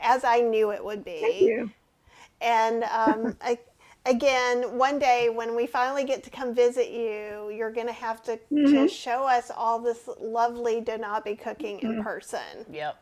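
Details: Adult woman speaking; Normal speech.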